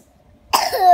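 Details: After silence, one abrupt cough breaks into a short voiced sound from a young child.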